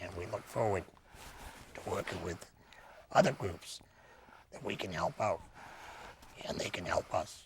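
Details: Laryngectomee speaking with a tracheoesophageal puncture voice prosthesis; tracheoesophageal speech after laryngectomy.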